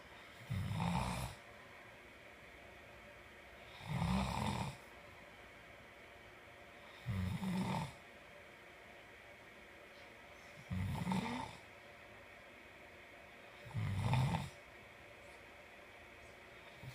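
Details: Sleeping person snoring regularly: five deep, rattling snores about every three seconds, roughly 19 breaths a minute, with quiet between them.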